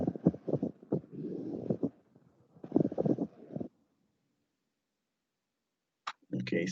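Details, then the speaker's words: Lung auscultation teaching example: low, rough, creaking grating bursts with breathing, likened to leather rubbing on leather, from the pleural layers rubbing together: pleural friction rub. "aunque también podemos encontrar un frote pleural en tumores cerebrales porque porque este tumor nos bastará compactando las 2 p horas bueno la pleura con la otra y se escucha así como esto"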